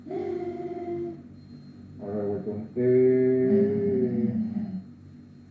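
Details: Diplophonia (bitonal voice) in a woman after mild COVID, never intubated, with incomplete glottal closure and reduced left vocal fold excursion.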